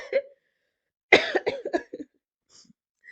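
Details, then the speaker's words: Adult with a cough and hoarse voice: a brief cough, then a quick run of about five or six cough bursts; cough. "I'm sorry my voice is down. I have cough. You can hear that. I'm not going to edit it."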